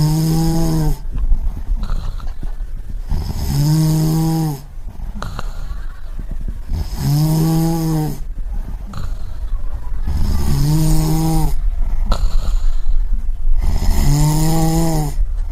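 Loud, deep rumbling snores alternating with noisy breaths out, about five snores in 15 seconds; sound-effect recording.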